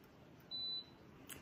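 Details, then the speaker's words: Home iCare Home rebound tonometer, self-measured by a patient with newly diagnosed glaucoma: the probe gently taps the eye surface, then a single short high beep in a quiet room signals that the eye pressure measurement is complete. "it beeps and says that's it i'm done i just took my eye pressure"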